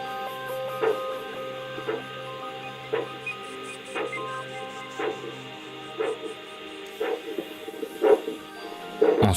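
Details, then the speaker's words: Arterial Doppler of the right lower limb during ankle–brachial (systolic pressure) index measurement for lower-limb arterial disease screening: regular pulsing whooshes at about 60 a minute over background music. "li ps index de pression systolique est un examen incontournable dans le dépistage de l'artériopathie des membres inférieurs on mesure la pression artérielle systolique du membre inférieur droit par effet doppler"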